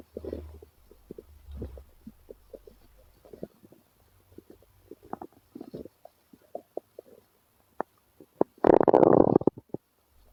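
Irregular low gurgles and squeaks with a louder rumbling burst near the end: ordinary stomach growling from gas and fluid moving through the gut.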